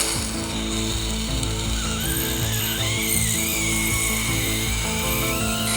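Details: Steady high whine with gritty grinding and rising tone as an ultrasonic instrument, replacing chisel and hammer, cuts the nasal bony hump during rhinoplasty on a young man with a hooked nose.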